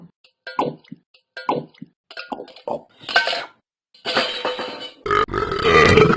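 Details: Repeated croaky burps growing longer and louder, ending in a drawn-out belch; burping.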